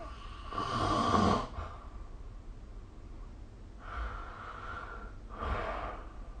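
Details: Three rough, rattling snores with quiet gaps between them during sleep, recorded with the SnoreLab app; snoring.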